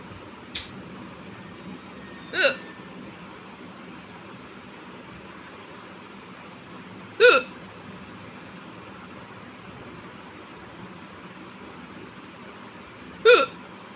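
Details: Four sharp, loud hiccups at irregular intervals, roughly ten a minute, over a quiet room hum; a woman's real hiccups. Hiccups.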